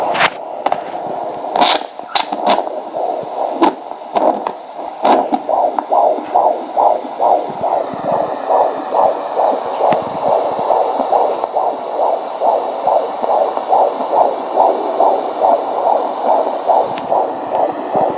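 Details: Home fetal Doppler at 18 weeks of pregnancy with a baby boy, mother 35, first child, no fetal movement felt yet: probe scraping, then a rapid, regular galloping fetal heartbeat of about 130–140 a minute.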